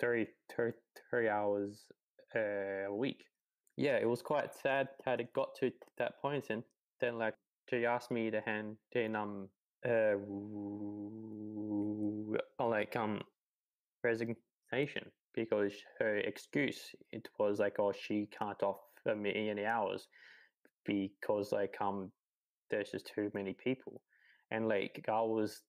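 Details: 28-year-old man who has stuttered his whole life, since about age three; stuttering.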